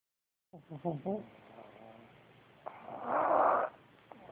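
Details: Snoring pugs asleep on a bitter cold day: snorting, rattling snores, with one long raspy snore on a breath in.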